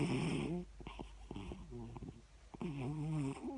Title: Siamese cat snore